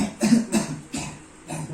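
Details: Four short, forceful voluntary coughs by a male patient, performed after slow deep breaths with breath-holding as an effective-cough airway-clearing exercise led by a nursing student.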